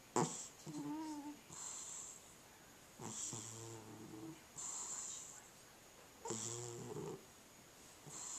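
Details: Sleeping cat snoring rhythmically: fluttery, buzzing rattle on each inspiration, soft hiss on expiration, about 19 breaths a minute.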